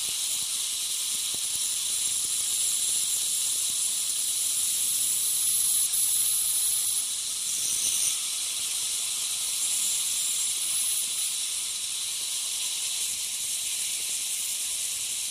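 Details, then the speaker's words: Ultrasonic piezosurgery unit with a round diamond tip cutting a dental sinus window osteotomy for sinus lift: steady high-pitched hiss with faint squealing tones under water spray. "I'm going to continue uh with the same hand uh with the same tip it's a diamond uh kind of round almost looks like a large round bar Diamond tip"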